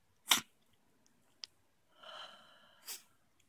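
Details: Sneezing: two sharp sneezes separated by a brief voiced sound in a quiet room, occurring around when a bloody piece of grass, apparently stuck in the nose, came out.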